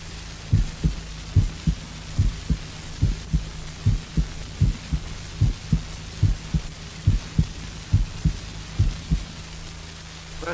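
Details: Educational recording of heart sounds, played for comparison with extrasystole and bigeminy: steady, evenly spaced paired heart sounds at about 72 beats a minute, a normal regular rhythm.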